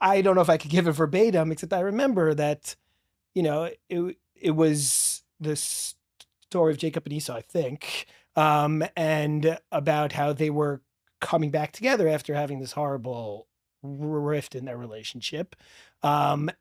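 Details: Adult man who has stuttered since childhood and describes a strong stutter with blocks; finding: stuttering.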